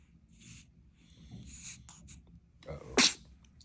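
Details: Newborn boy, awake and looking around: quiet room noise and soft rustling, then a small gasp and one sharp, high infant sneeze.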